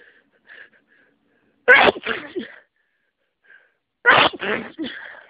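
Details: Very congested sneezes during a cold sneezing fit: two forceful sneezes, each a short in-breath before a loud explosive burst, in a quiet room.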